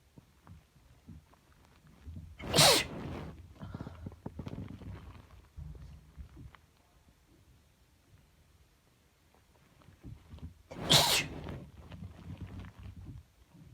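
Two loud, explosive sneezes about eight seconds apart over background rustling; repeated sneezing from a cold.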